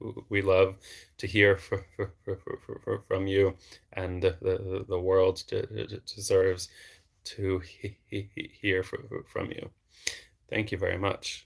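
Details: Adult man who has stuttered since age eight and had speech therapy from childhood into his early 20s; audible word repetitions; stuttering.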